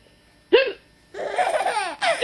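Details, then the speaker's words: Mother's hiccup, November 2008: a single short, hiccup-like catch of the voice, followed by a young child's laughter; hiccups. "it's silly when Mom hiccups isn't it"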